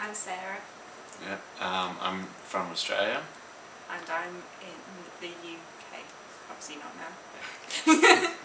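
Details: Young woman from the UK with aphasia after an ischemic stroke at age 18, affecting her speech, writing, reading and numbers.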